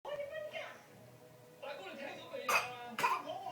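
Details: Young child making playful sounds, then two short, sharp, deliberate fake coughs.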